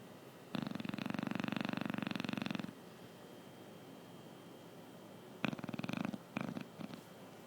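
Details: Sleeping Chow Chow dog: a long rattling snore, then a few shorter fluttering ones; dog snoring.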